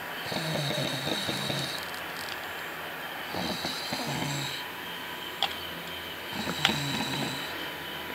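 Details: Three long, rattly snores over a steady background hum, with a few sharp clicks between them; snoring.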